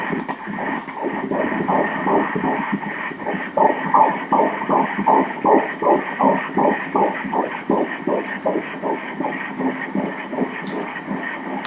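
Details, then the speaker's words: Fetal heartbeat on ultrasound Doppler at 13 weeks' gestation, in a pregnancy with an IUD: fast, regular whooshing pulses at 164 beats per minute, within the normal range. "ಇಲ್ಲಿ ಮಗುವಿನ ಹೃದಯ ಬಡಿತವನ್ನು ನೋಡಿ ಮಗುವಿನ ಹೃದಯ [ಹೃದಯ ಬಡಿತ]"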